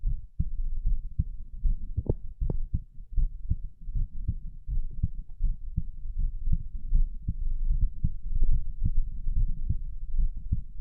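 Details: Steady low heartbeat thumps at about 78 beats a minute with some body movement noise, recorded during sit-ups (abdominal exercises) and not greatly sped up: normal heart sounds.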